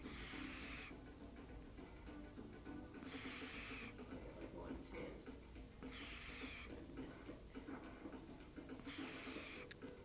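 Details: Cat snoring: hissy, rasping breath bursts about every three seconds, roughly 20 a minute, over a steady low background hum.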